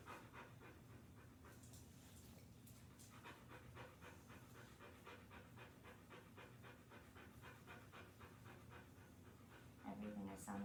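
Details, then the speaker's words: A large dog panting during stethoscope lung auscultation in a nine-point pattern, listened to cranially and caudally on one side; her lung sounds are normal, pretty good and not too raspy. "pretty good not too raspy okay and then i'll move her on the other side"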